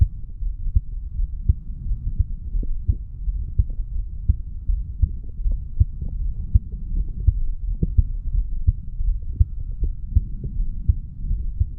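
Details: Heartbeat of a 35-year-old male after weight training, self-recorded over the mitral valve area: regular, low thumping at about 82 beats a minute with a steady hum behind it.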